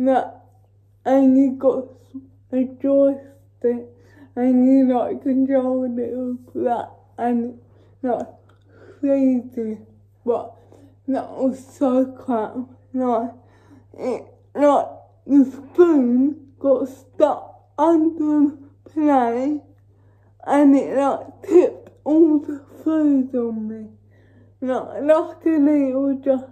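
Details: Female with cerebral palsy talking while feeding herself with a Neater Eater feeding aid; dysarthric speech in cerebral palsy, no speech disorder formally named.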